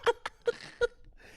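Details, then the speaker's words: Adult man with asthma imitating his own wheeze: four brief squeaky, whistling bursts; imitated wheeze. "This is what I sound like when I wheeze."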